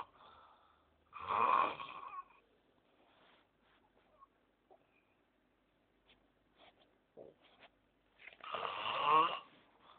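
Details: Valdarno buzzino snoring in sleep: two very loud, harsh snores about seven seconds apart with near silence and faint clicks between, likened to a bulldozer going uphill.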